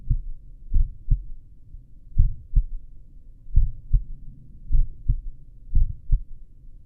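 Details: Own heartbeat recorded lying down with a stethoscope at the apex: low, clear, fairly steady lub-dub pairs at about 50 beats a minute. Normal heart sounds with a slow rate.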